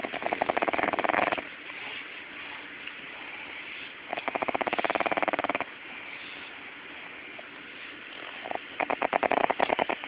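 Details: Pug puppy snoring: three bursts of rapid, buzzing, fluttering snores with quieter breathing between them.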